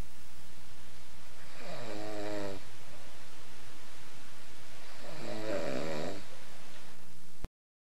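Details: Two slow, drawn-out rattling snores about three seconds apart over steady background hiss: snoring.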